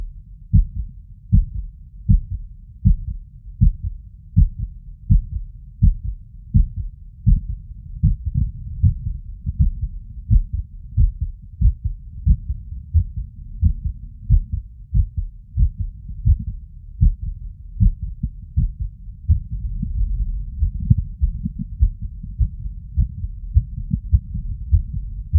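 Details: Heart auscultation with a stethoscope diaphragm over the tricuspid area after exertion: low heart thumps at about 79 a minute with an uneven rhythm, an arrhythmia.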